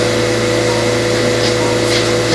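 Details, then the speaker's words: Steady motor hum with a low drone from a motorized arthroscopic shaver smoothing rough cartilage surfaces after a medial meniscus tear during right knee arthroscopy; arthroscopic shaver running. "here comes our shaver we just start screwing off all this left surface we've got the shaver now smoothing out that rough surface"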